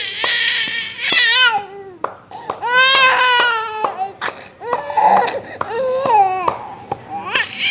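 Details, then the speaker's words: Young child crying loudly with distressed, strained wails and gasping pauses during steam nebulization for a persistent cough with phlegm that won't come up. "Kali ini aku mau nunjukin proses saat anak aku diuap."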